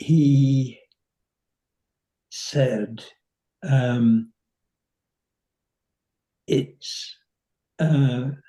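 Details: 85-year-old man with nonfluent variant primary progressive aphasia; slow, effortful speech; nonfluent variant primary progressive aphasia.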